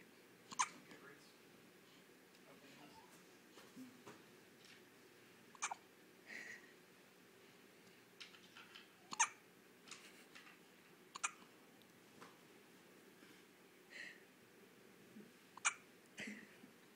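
Sharp, brief hiccup sounds repeat irregularly, about nine a minute, against quiet room noise; infant hiccups.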